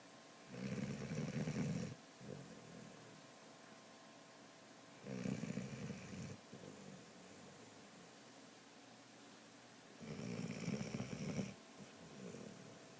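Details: A sleeping dog gives three loud, rough, rattling snores about five seconds apart, each with a softer return breath, over quiet room hum; ordinary snoring.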